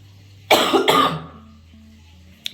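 Two harsh, forceful coughs in quick succession, fading out, over a steady low background hum: a cough.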